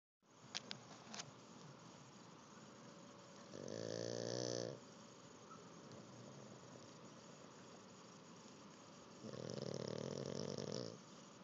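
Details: Pug sleeping after learning to swim: two loud, buzzing snores about six seconds apart with quiet breathing between.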